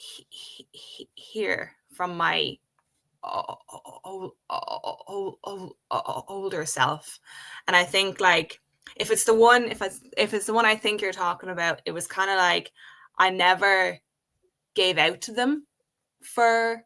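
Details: Adult woman who has stuttered since age five, speaking in a podcast conversation. Stuttering.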